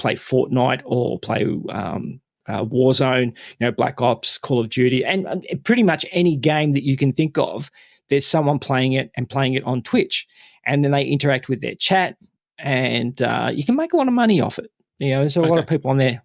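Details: Adult male speaker; normal speech.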